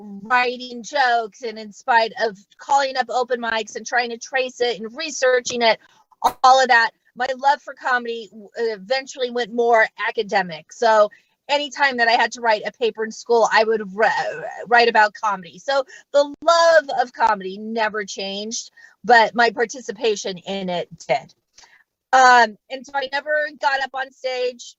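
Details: Adult female comedian who stutters and says she does not fake it, speaking live during a comedy set; stuttering.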